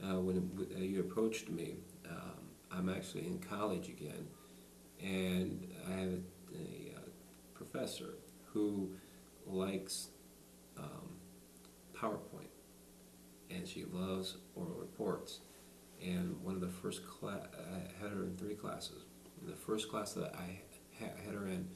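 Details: Adult man who has stuttered all his life, speaking in conversation without the SingRite device; stuttering.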